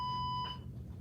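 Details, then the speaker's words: A single clear electronic beep as an MRI infusion pump powers on, followed by quiet room noise. "I'm going to turn on my pump. The on button is this little eye here. Wait for this to turn on."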